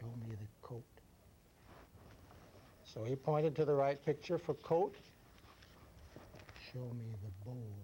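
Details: Adult male examiner; Normal speech.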